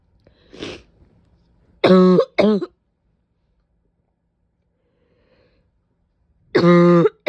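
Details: Three harsh, strongly voiced cough bursts with a hoarse, honking bark-like quality, spaced several seconds apart; described as a painful barking cough with sneezes. Barking cough.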